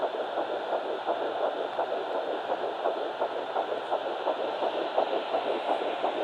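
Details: Fetal Doppler at 9 weeks 6 days, twin Baby A found on mother's left side after days of searching: fast, soft whooshing pulses about 165 a minute under steady hiss; early fetal heartbeat.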